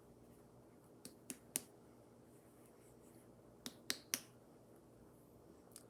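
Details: Abdominal percussion during a head-to-toe exam: two sets of three quick, sharp, hollow taps on the abdomen, quiet room behind; a normal tympanic percussion note.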